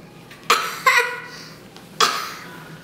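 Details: Child's deliberately forced, pretend cough: three short, sharp cough bursts while asking for a cough drop, not an illness cough.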